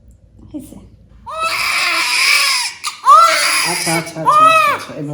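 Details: Newborn in hospital during first days after birth: loud, strong crying in bursts with pauses for breath while the baby is handled in a small room.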